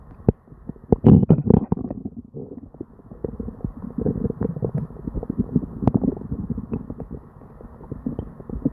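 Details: Near-constant gurgling, bubbling and popping from the belly of a person with diarrhea, barely pausing; hyperactive bowel sounds (borborygmi).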